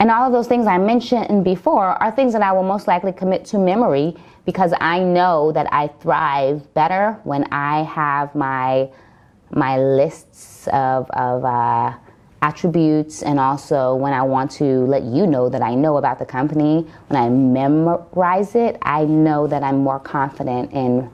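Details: Adult woman who has stuttered since growing up, says she stutters more when repeating herself and that the environment affects it, and is still working through some stutters; stuttering.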